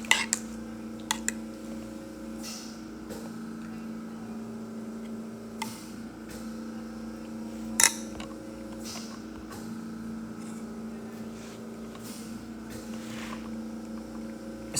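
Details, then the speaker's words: Oxygen concentrator belonging to the speaker's father running in the background. "C'est le concentrateur d'oxygène à mon père que vous entendez."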